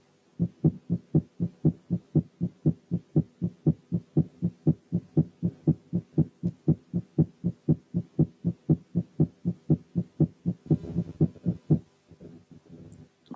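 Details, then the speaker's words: Tachycardia at 120 beats per minute: fast, regular heart sounds with nearly equal intervals between first and second sounds, making systole hard to tell from diastole. "لكن لما يكون في تاكيكارديا الهارت بيتس بيكونوا جنب بعض، والمسافات بين الفيرست والسكند ساوندز بتبقى مقاربة للمسافات بين السكند ساوند والفيرست بتاع البيت اللي بعديه. تعالوا نسمع كده الهارت ساوندز على سرعة 120."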